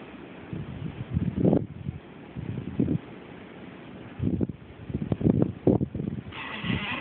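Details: Snoring: low, rumbling, fluttering snorts on the breath, irregular in strength, with some snuffling.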